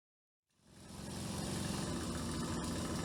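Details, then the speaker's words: Oil-lubricated rotary vane suction pump (hospital vacuum pump) running after repair and vane refitting, showing it now works. "देख सकते हैं कि यह काम कर रहा है क्योंकि यह vial lubricated rotary one pump है"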